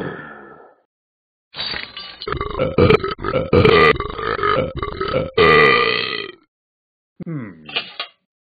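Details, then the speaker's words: Burps from the Talking Ben the Dog app: a long, loud, rumbling belch lasting several seconds, then a shorter croaky one; burping. "woo that was a long burp"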